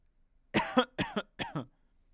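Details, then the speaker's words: Adult in a standardized respiratory recording protocol, told to cough hard as if something were stuck in the throat, mouth uncovered: three strong, explosive coughs in quick succession; voluntary cough. "When you are ready, press record and cough hard like if there's something stuck in your throat."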